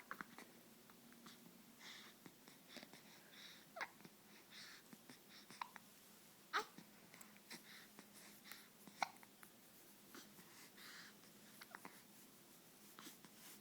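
Soft, brief catching sounds recurring every second or two amid quiet infant breathing, ordinary baby hiccups.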